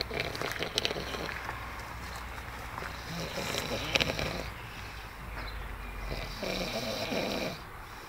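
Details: Rough, rattling breaths over steady outdoor background noise from a man sleeping in a hammock: snoring.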